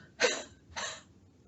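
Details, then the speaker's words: Two breathy, open-throat 'huh' exhalations without a hard cough onset, a huff cough demonstrated by a respiratory therapist while leaning forward and squeezing the belly, clearing the airway without closing the glottis. "I'm gonna lean forward exhale and squeeze my belly and make the huh sound as I cover my mouth okay"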